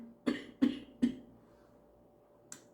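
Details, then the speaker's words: An adult with a cold and a suspected sinus infection gives three quick, harsh hacking coughs in a row, then quiet. "gonna get more cuts than usual even for me because i have a hacking cough and my voice is a little bit wrecked"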